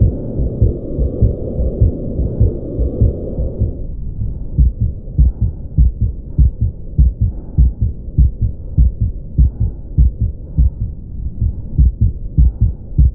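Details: Regular heartbeat near 100 a minute with a low continuous rumbling murmur running through both heart sounds: patent ductus arteriosus.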